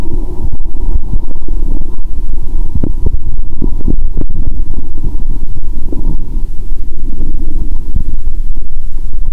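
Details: Stethoscope over the abdomen after drinking cola with Mentos, back from the toilet, belly feeling bloated: loud continuous low rumbling with bubbling gurgles; active bowel sounds (borborygmi).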